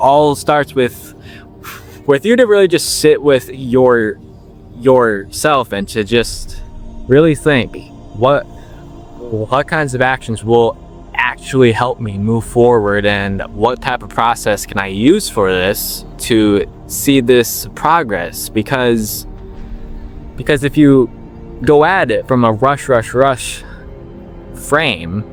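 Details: 21-year-old man with stuttering since he began talking, long working to overcome it and reporting that slowing down improved his speech; word repetitions audible; stuttering.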